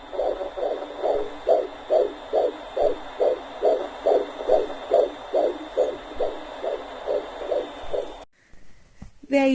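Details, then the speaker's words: Rapid, regular whooshing fetal heartbeat at about 140 beats a minute, heard on Doppler at 18 weeks of pregnancy; fetal heartbeat. "go guys my baby's heartbeat so lovely baby is just oh my god so yeah that heartbeat was 18 weeks"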